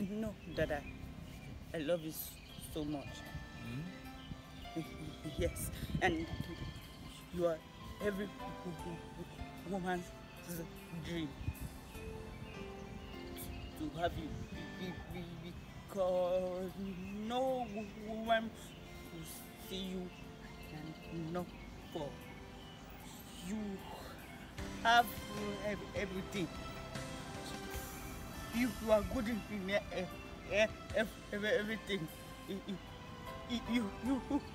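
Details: Acted stuttering in a comedy skit, with word repetitions.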